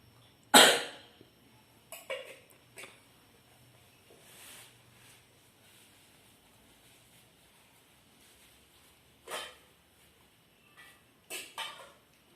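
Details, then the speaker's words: Simulated nurse demonstration of effective coughing and deep breathing taught to a patient: about six short, forceful coughs separated by quiet pauses. "Hai bagaimana perasaannya Pak telah saya ajarkan batuk efektif dan nafas dalam"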